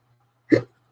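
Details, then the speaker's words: A single short, sharp voiced hiccup from an adult woman who says she often gets hiccups or burping with her eating problems, after eating cheesecake. "I'm sorry. I have hiccups now. Oh. Another issue with my eating problems is I get a lot of either hiccups or burping issues going on."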